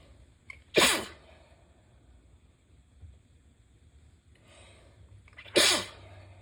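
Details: Two congested, wet sneezes, high-pitched and a little squeaky from a very stuffy head cold, with soft breathing and faint rustling between them: sneezing.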